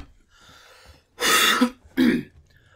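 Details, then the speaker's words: Throat clearing from someone who has been coughing constantly and losing their voice, speaking during gameplay: two harsh, forceful bursts after a short quiet lead-in, the first longer and rasping. "H I apologize for the coughing and whatnot but it's trying to clear [ __ ] out of my throat"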